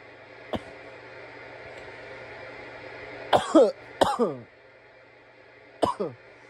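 A few harsh, raspy coughs over faint room hum; irritant coughing after smoking.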